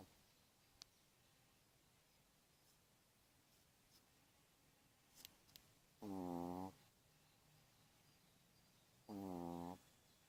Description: Шпиц спит и храпит во время маникюра. / Pomeranian is sleeping and snoring during manicure.